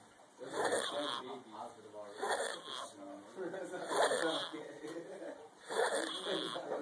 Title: Wtf...who snores like that!?!?!